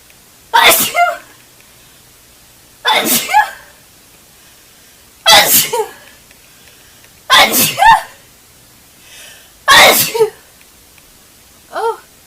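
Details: Red-haired girl's sneezing fit: five forceful sneezes in quick succession, each with a sharp intake before the burst, then a softer sixth; repeated sneezing.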